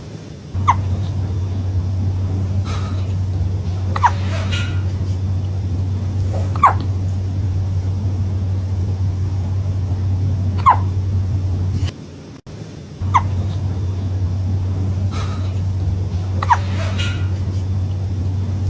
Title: Fun fact : cats can also get the hiccups #cat #cute #funny #comment #catlover #subscribe #facts